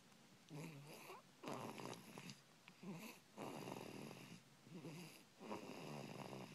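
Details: Sleeping dog snoring: repeated raspy, snorting snores at about 30 per minute, with noisy rattling on each breath.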